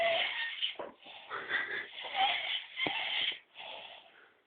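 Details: Sleeping subject giving loud, rough, high-pitched whistling snores in repeated bursts; strong snoring.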